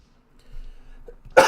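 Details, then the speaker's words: One sudden forceful burst after a quiet lead-in: a single cough from a live-streamer who is coughing a lot, wonders whether it is an allergy, and says there is no blood. "Ugh. Yeah, I'm coughing too much, so I probably should end the stream now and stop talking."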